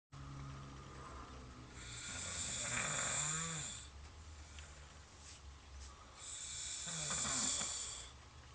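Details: Man's snoring recorded for his doctor: two loud, rattling inspiratory snores with quieter breathing between, about 14 breaths a minute.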